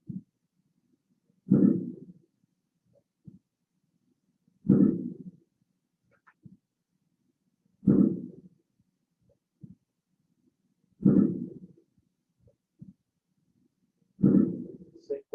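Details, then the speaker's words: Coarse, low-pitched crackles at the start of each inspiration on a simulator, about 19 breaths a minute. These are typical of bronchitis and can change or clear with coughing. "escuchan los estertores de grueso en inspiración, en principio? Por eso traducen bronquitis."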